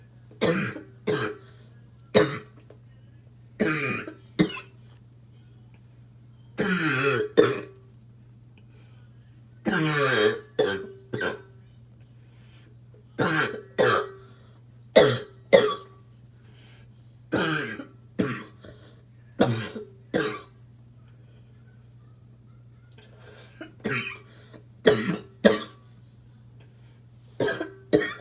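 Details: Adult smoker with a barking cough that comes on while smoking: repeated harsh barking coughs in close pairs and short runs, with a steady low hum behind.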